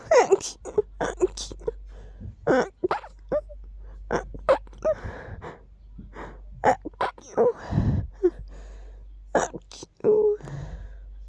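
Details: Repeated sneezing attributed to dust: a series of short, sharp nasal bursts with sniffs between them.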